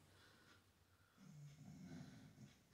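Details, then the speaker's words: A sleeping dog snoring in the background of a small room while a person talks: quiet, rough, low snoring breaths. "so sorry if you hear that in the background that's the dog snoring"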